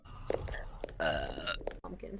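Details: Girl's burp from a compilation clip: a loud, drawn-out voiced belch of about half a second, with faint talk and room noise around it; burping.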